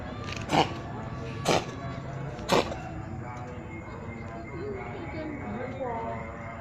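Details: Three short coughs about a second apart after singing, followed by faint talk and background music.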